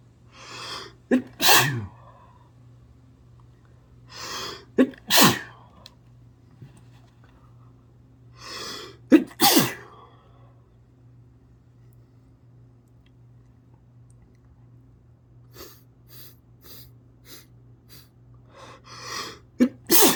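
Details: Run of sneezes after failing to hold them back: three sneezes, each preceded by a sharp inhaled gasp, soft breathy noises, then a fourth sneeze.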